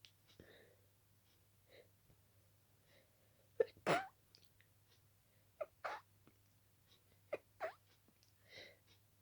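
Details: Rapid run of wet, stuffy sneezes, several stifled, with sniffs and only brief breaths between, with intensely itchy nose; allergic sneezing fit in someone very allergic to dust.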